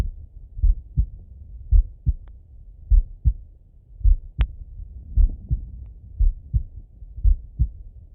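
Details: Normal heart sounds auscultated with a stethoscope on a person lying relaxed in bed: steady paired lub-dub at about 55 beats per minute, quiet gaps, one faint click.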